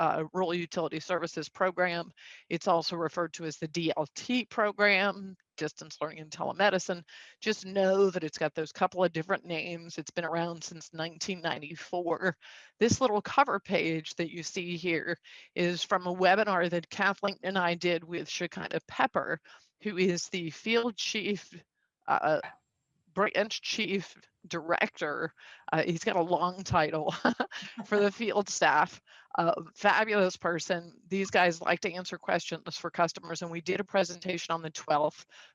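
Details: Adult with spasmodic dysphonia, a neurological vocal-cord disorder identified a couple of years after 2001 through a telemedicine consult, who also has Duane syndrome; says it is audible and acts up; spasmodic dysphonia.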